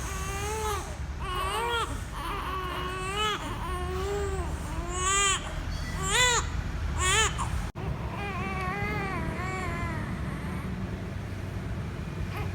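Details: Twin babies crying during sun-bathing time: repeated rising-and-falling wails, about one a second, over a steady background hum; ordinary infant crying.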